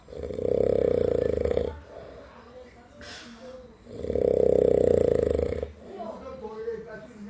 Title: drunk so hard..#snoring